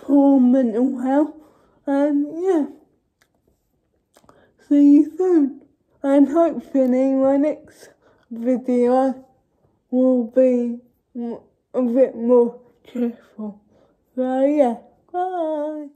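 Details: Adult woman with cerebral palsy speaking to camera; dysarthria (cerebral palsy).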